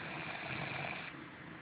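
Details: Snoring in a sleeping 28-year-old woman: a single rough, rattling breath lasting about a second.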